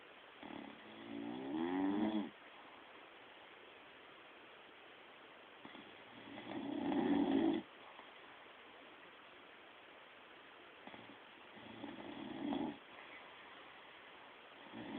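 Three slow, rattling snores on the in-breath, about 11 a minute, separated by quiet pauses; ordinary snoring.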